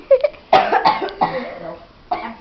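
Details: A girl burping: several short, throaty bursts close to the microphone, like small burps or a cough; burping.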